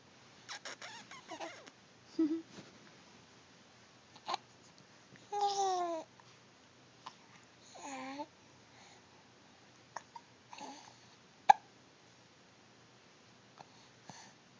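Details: Infant with hiccups, called squeaky like a toy: brief, sharp, squeaky catches recurring every few seconds in a quiet room amid soft babbling; hiccups.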